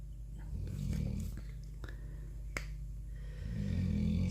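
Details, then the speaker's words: A sleeping dog that is said to be tired after an emotional day: low, rumbling snores and two soft breaths in a quiet room, with faint clicks and handling noises. "Vous entendez Marty ronfler hein ? Grand Marty, il a eu beaucoup d'émotions aujourd'hui."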